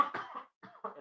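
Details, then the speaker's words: Adult podcast host, congested with sinus trouble: one cough of a couple of short explosive bursts followed by a brief voiced sound. "I'll probably be coughing throughout the show so if you don't like the sound of coughing uh too bad get get used to it"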